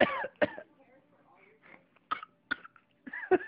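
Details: A few short, sharp coughs with small voiced sounds between them from a young child (baby) with a cold and a "bad" cough; cough.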